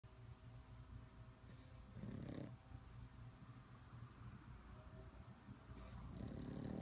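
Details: Sleeping puppy snoring with soft, raspy breaths and faint snuffles over low background noise.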